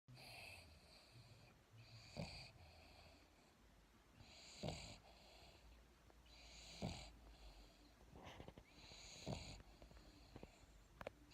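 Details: Sleeping dog napping after eating, snoring with rhythmic rasping, snorting breaths about every 2.5 seconds, roughly 25 a minute: ordinary snoring.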